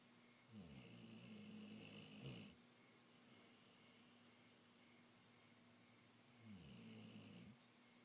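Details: Snoring in a dog: long, low, rattling breaths about six seconds apart, roughly ten a minute, over a steady background hum.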